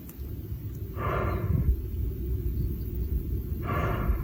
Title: Lion Sneezing